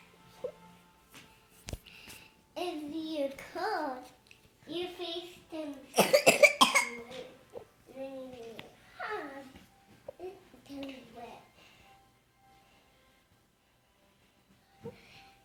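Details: 24-month-old boy with whooping cough (pertussis confirmed April 10, 2017): vocal, strained sounds with a harsh cough burst and no whooping in-breath afterward.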